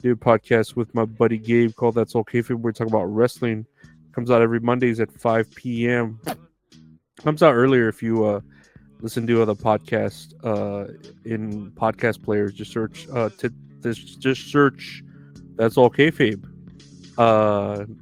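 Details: Adult male speaker; ordinary speech.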